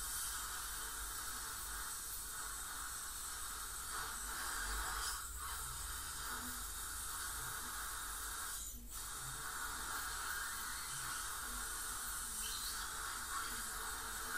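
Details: Professional teeth cleaning by a dental hygienist on a patient with heavy plaque and tartar, possibly gingival inflammation: steady high hiss of water spray and suction with brief scraping touches; dental scaling.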